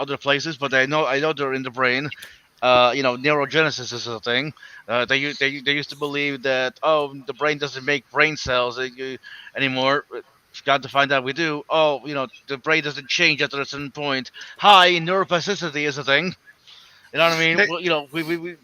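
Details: Male participant in an open voice chat who self-reports that his stutter sometimes keeps him from getting words out; finding: stuttering.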